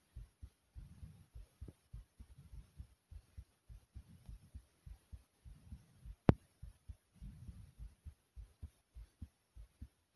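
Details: Quick, regular, strongly thumping heartbeat with one brief click partway through, recorded after jumping in place for a few minutes to make the heart race; exercise-induced tachycardia.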